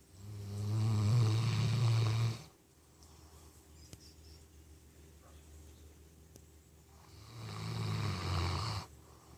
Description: Baylee the 13 year old Golden Retriever snoring.